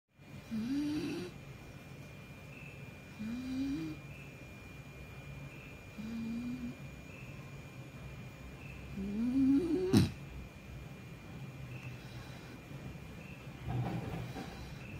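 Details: A sleeping pet dog snoring: rhythmic rising snore tones on each breath, about five breaths over fifteen seconds, with a faint steady room hum.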